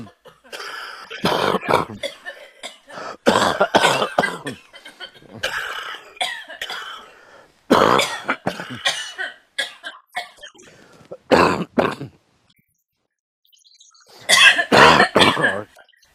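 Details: Adult outdoors in the woods coughing in repeated harsh bouts: a smoker's cough.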